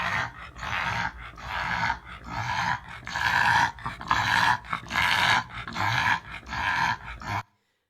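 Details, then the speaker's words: Bulldog's rhythmic, rough, low-pitched snoring noise with each breath, a soft palate noise used in BOAS grading as typical stertor in brachycephalic obstructive airway syndrome. "your typical bulldog okay that's a palette noise it's a low pitch noise"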